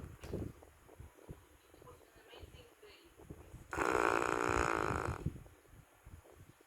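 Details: Dog snoring very loudly while asleep: a single loud, rough, rumbling snore lasting over a second; snoring.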